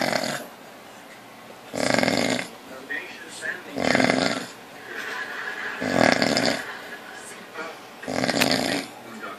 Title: Papa snoring lol